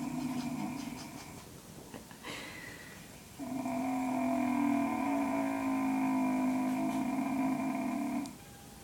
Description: My grandpa making the weirdest snoring noises ever.